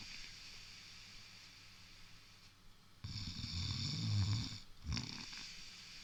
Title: Snoring giant